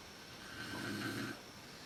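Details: Sleep snoring by the mother, recorded in the dark on a Canon PowerShot SX130 IS; snoring is worst at sleep onset. One low, rattling breath sound during sleep against quiet room noise.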